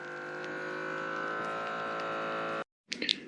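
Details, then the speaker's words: Automatic upper-arm blood pressure monitor, cuff about half inch above elbow, arm flat on table, seated upright, relaxed, breathing normally: steady motor hum as cuff inflates, then stops, brief rustling. "okay so i've started the machine for taking blood pressure it's going to inflate i'm just going to breathe normally"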